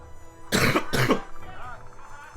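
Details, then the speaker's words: Adult gamer's cough, two loud harsh bursts over faint game music; the speaker says any cough sounds severe due to a childhood illness, though this one is not that bad. "the cough um it's not actually that bad I just due to childhood illness anytime I have a cough I sound like I'm dying of plague"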